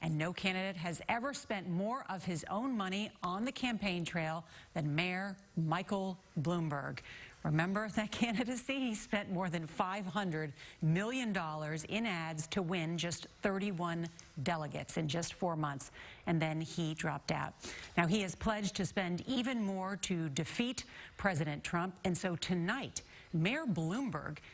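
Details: Adult woman, news narration; normal speech.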